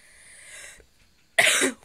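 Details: Person who says they are sick with a headache: quiet voice, a pause, then one short, sharp cough.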